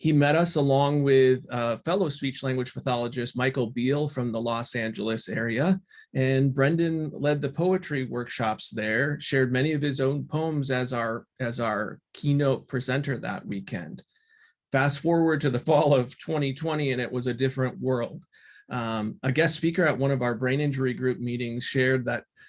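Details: Adult male speaker; normal speech.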